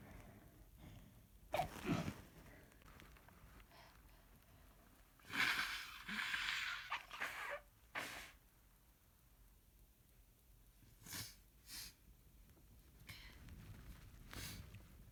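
A run of about eight short, muffled, hissing bursts in quick succession; a sneezing fit.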